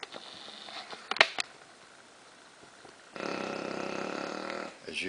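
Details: Exhausted female bulldog lying sprawled out asleep with her tongue hanging out, snoring loud enough to drown out the TV: a loud, rough, rattling breath of about 1.5 seconds after a quiet stretch.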